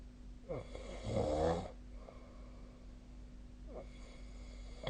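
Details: Snoring during sleep: a single loud, rattling snore on an in-breath, followed by quieter breathing with a steady low hum in the room; ordinary snoring.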